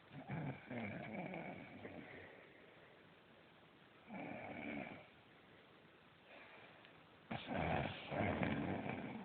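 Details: A sleeping person snores three times, loud and rattling in breathing rhythm, with quiet pauses on the out-breath: heavy snoring.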